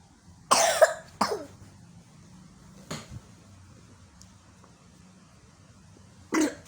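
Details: Four short, harsh coughs with pauses between, in a quiet room, from a child whose allergic cough has returned; cough.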